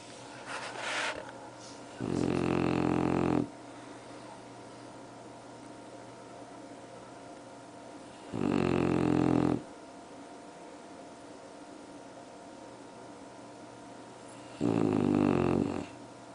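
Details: Sleeping bulldog snoring: loud, buzzing snores at about ten breaths a minute, with quiet room noise between; ordinary snoring.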